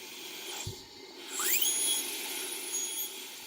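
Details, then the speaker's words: High-speed dental handpiece cutting an anterior tooth during crown prep for an E.max crown: a high-pitched whine and squeal with air-water spray hiss. This is connecting the facial and lingual margins, leaving a sliver to protect adjacent teeth. "You're going to go through and connect those margins that you've made on the facial and the lingual. But you're going to try and keep a sliver of the tooth still there, so that'll protect the teeth that are right next to where you're prepping."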